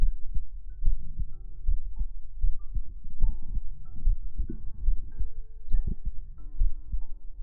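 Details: Heart sound played in a sleep-aid ASMR recording: regular deep muffled heartbeat thumps near 70 a minute with soft hum and faint tones; heartbeat.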